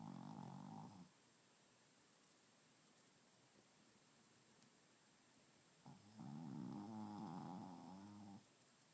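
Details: Snoring: two rumbling, fluttery snore breaths separated by a quiet pause, with a soft purring rattle.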